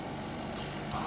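Steady low motor hum with faint airy hiss and a brief rise in noise near the end, an oxygen concentrator running.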